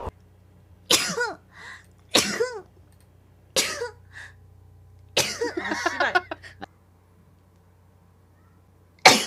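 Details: Female streamer sneezing: five separate sharp, high-pitched sneezes, each with a short vocal onset and a burst of air, over a steady low hum; a compilation of sneezes.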